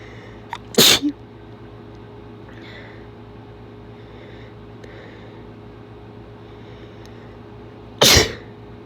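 Two sharp, wet sneezes several seconds apart, the first with a brief catch of breath before it, over steady room hum.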